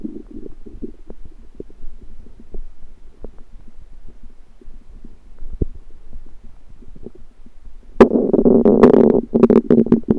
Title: Stomach Noises Random Rumbling